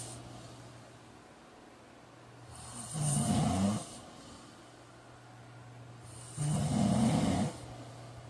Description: Don't forget to like and subscribe for more snores like these!